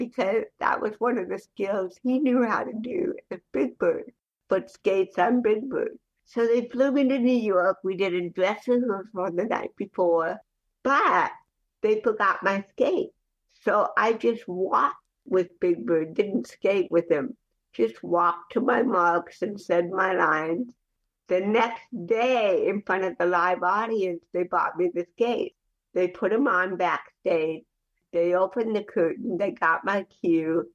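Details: Adult woman with cerebral palsy since childhood, also hearing impaired, speaking in a real conversational interview; dysarthric speech in cerebral palsy.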